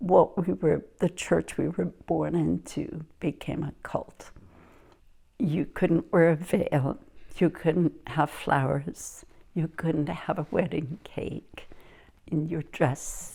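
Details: Adult woman speaking; normal speech.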